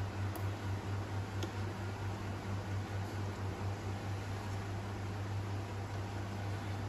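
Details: BiPAP machine running through tracheostomy tube tubing with oxygen port connected: steady low mechanical hum with airy blower noise.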